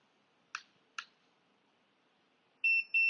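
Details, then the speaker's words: Two soft button clicks, then two short high beeps from a Runyes handheld dental X-ray unit after holding the up/down keys for three seconds, confirming the exposure time is saved as the default. "can hear device will give a beep twice that means the time has been set at Default Time"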